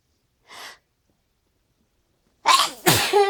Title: Teasing sneezing